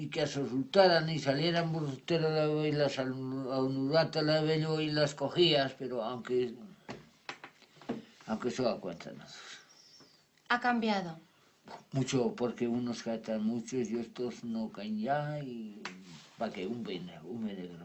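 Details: Adult man after an ischaemic stroke, with impaired comprehension and invented words forming jargon; Wernicke's aphasia (fluent jargon speech).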